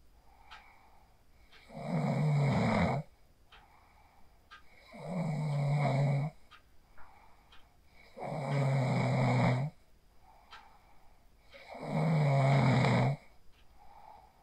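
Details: Person asleep after practising the 4-7-8 breathing technique, recorded on a phone: steady, buzzing snores about every three and a half seconds, roughly 17 breaths a minute, with quiet clicks between.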